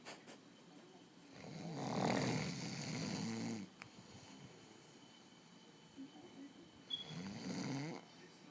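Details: Adult snoring during sleep, recorded by his girlfriend; he says he rarely snores: two harsh, rattling snoring inhalations, each followed by softer breathing, in a quiet room.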